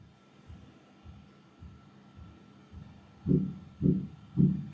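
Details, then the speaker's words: Sonified ECG of a normal heartbeat (delay-embedding sonification of about 325 heartbeats), heart dynamics turned into a rhythmical sequence: regular low synthetic thumps at about 109 per minute. "okay and you possibly recognize that now the dynamics of the heartbeat has been turned into rhythmical sequence"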